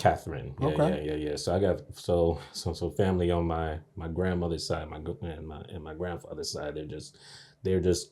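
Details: Adult man who has stuttered since age three, onset after a bad dream; audible word repetitions; stuttering.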